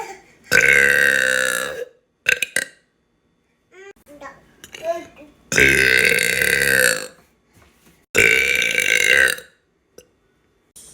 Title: Burping! Follow, like and subscribe 😹 my TikTok in the bio as well